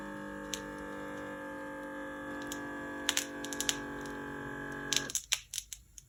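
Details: Omron home automatic blood pressure monitor, cuff on the arm, unboxing demo: steady motor hum as the cuff inflates, then stops, followed by clicks and handling noise as the reading finishes; reading reported as high.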